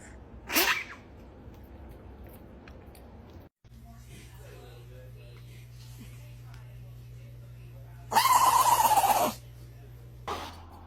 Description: This dog’s sneeze will make you smile 😄🐾